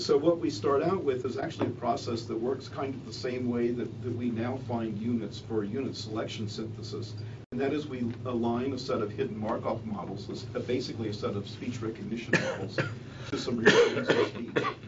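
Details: Adult male speaker; normal adult speech.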